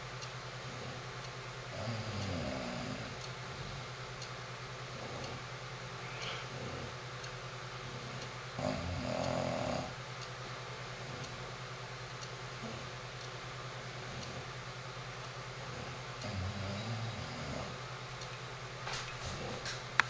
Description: This is my first english bulldog, Missy, she has brought me 9 years of joy and I love her to pieces, but she does snore like a freight train!